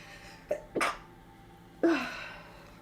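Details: Adult woman sick with a runny nose: two quick catching sounds build into a sharp explosive burst that trails off, a single sneeze over quiet room noise.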